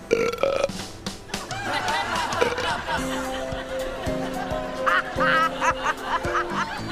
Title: Police Officers Start a burping contest! #Justforlaughs #prank